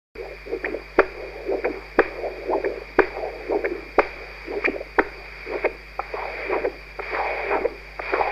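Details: Human heart auscultated with a new Doppler-based stethoscope, regular whooshing pulsed flow sounds about 60 a minute with sharp clicks; Doppler heart auscultation.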